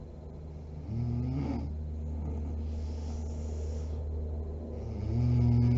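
Low droning snore sounds on two breaths over a steady background hum; snoring during sleep.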